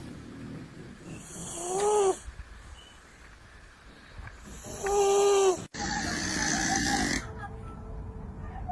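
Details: A sleeping cat gives high, whistling snores on two breaths, then a cut to a rougher, wheezy snore; ordinary snoring in a resting cat.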